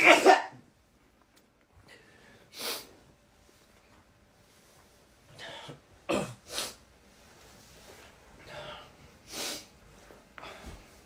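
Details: Sneezing from a K-pop performer, who first says "I have to sneeze": a series of short, sharp nasal bursts, about seven over eleven seconds, separated by quiet pauses.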